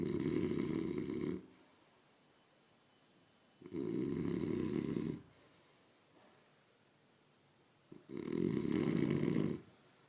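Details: Three loud, harsh snores at fairly regular intervals of about four seconds, with quiet breathing between them: a dog snoring steadily.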